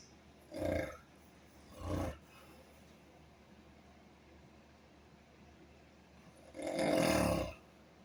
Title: You've fallen into a deep sleep. I want to sleep too. Please don't make snoring noises. Long sleep.